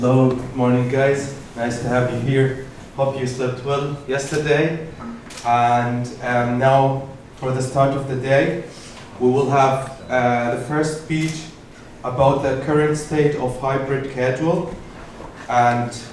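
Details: Adult male speaker; normal speech.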